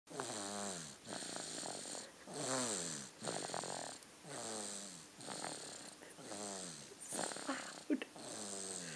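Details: Snoring on this day, though not always: regular rhythmic snores, about seven in nine seconds, each with a whistling, wheezy rattle on the breath.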